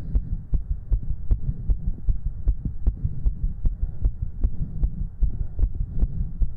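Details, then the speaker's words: Fast, regular heartbeat at about 154 beats a minute on a 3Dio binaural mic, recorded from a woman right after doing 60 jumping jacks, with heavy breathing: rapid heartbeat after exercise. "all right Chad I'm gonna get up and do 60 jumping jacks I'll be right back with some heavy breathing and energetic Heartbeats again"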